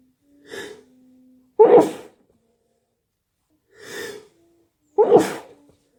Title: Itchy sneezes 🤧🤧🤧